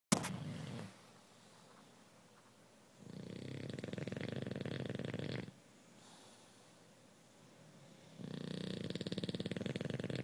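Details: Female bulldog snoring while asleep: two long, rattling, fluttering snore sounds on breathing in, quiet breathing between, about six breaths a minute; loud snoring.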